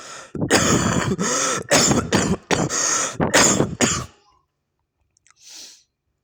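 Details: Online motorcycle-taxi driver coughing: a fit of about eight harsh, rapid coughs over four seconds, then quiet.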